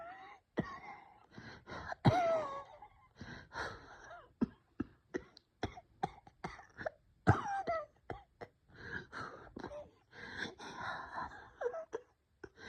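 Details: Bronchospasm with cough and wheeze.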